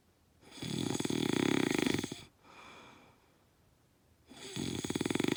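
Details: Loud snoring during sleep: rattling inhaled snores with a fluttering buzz, separated by a softer exhale.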